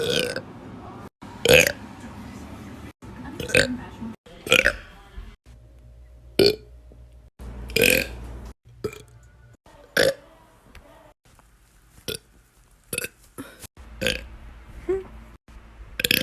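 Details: Girl burping: about a dozen loud, abrupt belches over sixteen seconds, separated by short pauses with faint background sound; repeated burping.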